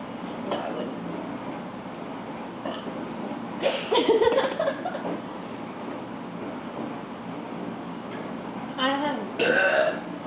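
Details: Two people burping: a few voiced burps among quiet talk and room noise; ordinary belching.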